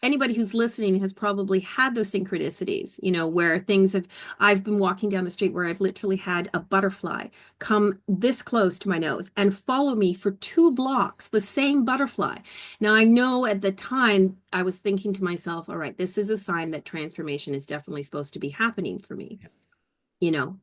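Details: Adult woman speaking; ordinary speech.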